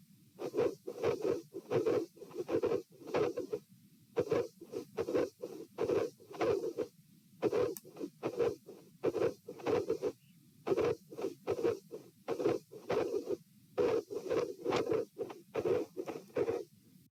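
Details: Stethoscope heart sounds at position P during a stress test, lying, sitting and standing, with dilated aortic root: irregular beat near 70 bpm with a midsystolic murmur and an intermittent extra sound near S2.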